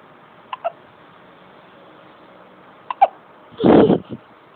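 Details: Male's hiccups: several short, abrupt voiced catches in pairs against quiet room noise, followed by a louder vocal burst.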